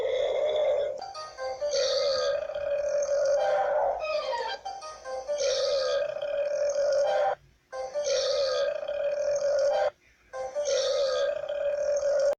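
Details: Burping compilation: several long, drawn-out belches in a row with a steady tone, music playing throughout; repeated burping.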